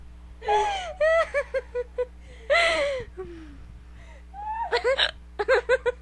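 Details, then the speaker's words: Girl's hiccups after a sleepless night, her third bout that night: sharp voiced hiccup catches repeating between bursts of giggling. "she has the hiccups"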